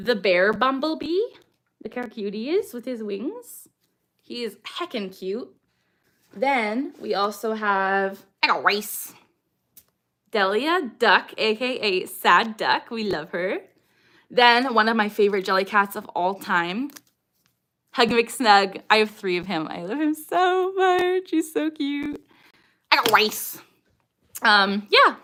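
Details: Adult woman with Tourette syndrome, with mostly echolalic vocal tics; a recurring echolalic phrase tic occurs repeatedly during speech; vocal tics (Tourette syndrome).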